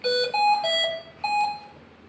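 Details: Repeating electronic alarm tones in a quiet room from a Hamilton C-3 ventilator; a ventilator alarm.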